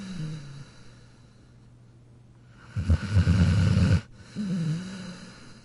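A loud, low, rattling snore of about a second, between softer, faintly whistling breaths; animal snoring.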